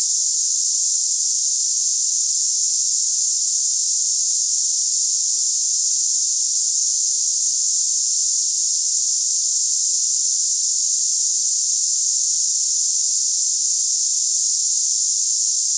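Steady, unbroken high-pitched hiss like cicadas: a simulated sample of hissing tinnitus.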